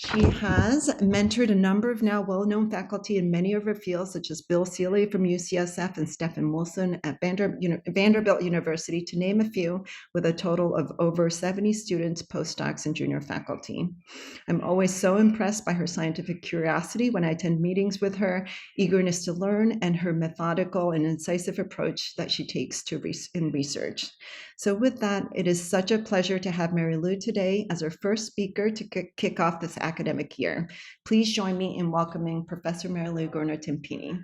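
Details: Adult woman speaking; normal speech.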